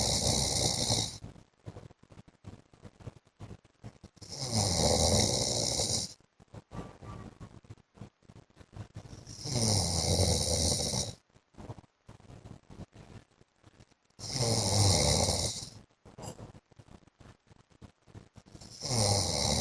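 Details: Adult man (husband) asleep: deep, loud rattling snores about every five seconds, around 12 a minute, with quiet pauses between; heavy snoring.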